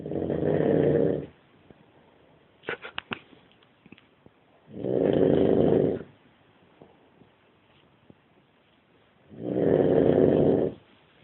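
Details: Man snoring: three loud, rough, rattling snores at a steady pace of about 13 a minute, with quiet pauses between them.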